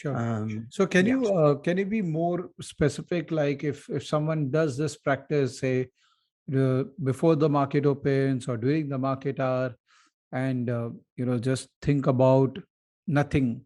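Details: Adult male speaker; normal speech.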